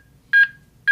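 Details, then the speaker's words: HeartSine Samaritan 450P AED demonstration: clear electronic chime tones repeat at a steady pace, the metronome setting the rhythm for chest compressions before CPR has started. "So what it's doing now is that metronome that we've heard on both the 350 and Good 360 speed. is chiming away."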